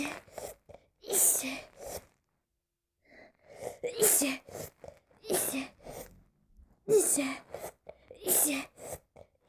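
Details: Person who says they are allergic to nearly everything sprays a body spray to test it: several sneezes, each a sharp explosive burst after a catching breath; repeated sneezing, likely allergic.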